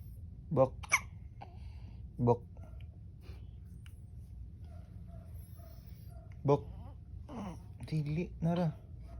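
Several brief, sudden voiced catches from a baby amid babbling in a quiet room, consistent with hiccups.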